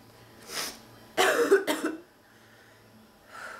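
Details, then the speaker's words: Breath in then harsh, barking cough in two or three quick bursts, in a sick adult woman whose non-stop coughing fits recur within ten minutes. "this is incredible I don't have like more than 10 minutes in between everything where it's just like come and then it's man back to this"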